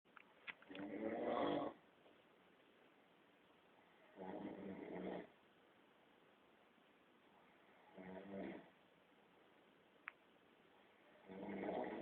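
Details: Father snoring while asleep: slow, rattling snores at about 17 a minute, with quiet pauses between them.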